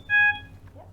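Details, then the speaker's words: Trilogy Evo noninvasive ventilation device switched on with the front button: one short electronic beep at power-on, a normal alarm check showing the alarms are active, as the alarm light bar across the top illuminates. "the sound you heard is notifying us that the alarms are active and the alarm light bar across the top here is also active because that illuminated once the device is switched on"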